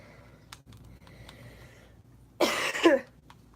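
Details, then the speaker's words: One short harsh cough burst from an adult with asthma searching for an inhaler and feeling short of breath, over quiet room noise and faint clicks. "I don't know how to breathe. It literally does feel like that sometimes. It feels like it's the only way I can explain how asthma is to me."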